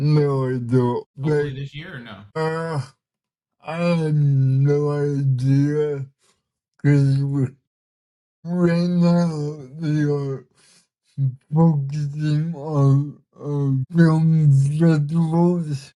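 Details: Dysarthria from cerebral palsy in a 32-year-old man, a bodybuilder and artist; listeners say he is hard to understand at first and that communicating is sometimes hard for him; real, not acted.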